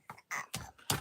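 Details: Young girl who has lost her voice and cannot scream or cry; hoarse voice (hoarseness).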